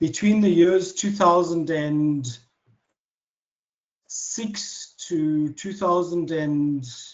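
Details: Adult man, a self-described proud person who stutters, who does not try to control his speech and stutters openly; stuttering.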